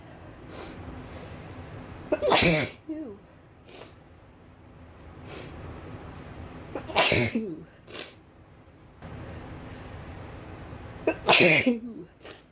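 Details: Three loud explosive induced sneezes, each preceded by a sharp inhaled catch and followed by brief breathy sounds, against steady background hiss; sneezing.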